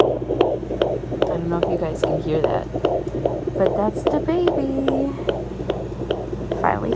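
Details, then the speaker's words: Fetal heartbeat on a home Doppler, mother pregnant with fourth baby, device showing no reading: rapid rhythmic whooshing pulses about 146 beats a minute. "the heartbeat it's not showing me any readings but you can hear that i'm so excited"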